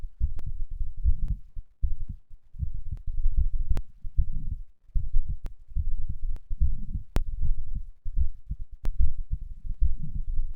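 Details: Heart sounds recorded after exercise, third such recording: fast, strong, regular two-part heartbeat at about 100 beats a minute, with a few sharp clicks; normal heart sounds.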